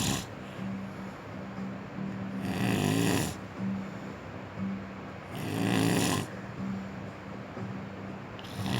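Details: A person sleeping in a hotel bed in the mountains gives loud, rough snores at about 20 breaths per minute, separated by quieter breathing, with a steady low background hum; snoring.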